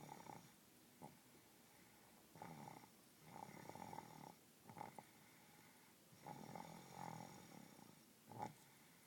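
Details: Ordinary snoring: quiet, rough breaths recurring every couple of seconds over low room hiss.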